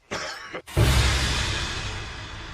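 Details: A single harsh cough burst after a brief throat sound, replayed from a Korean historical TV drama scene where a king demands to know who coughed; cough.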